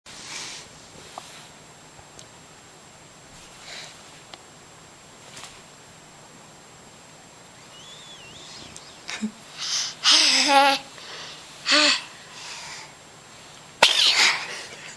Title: Baby Sneezes and Smiles